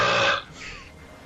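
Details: A single loud, rough burp from a gamer during Mario Kart Wii play, lasting under half a second, from a burp compilation; an ordinary belch.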